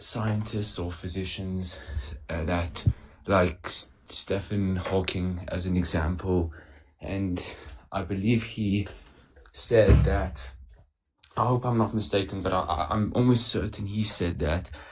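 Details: Male caller who says he has a stutter; stuttering.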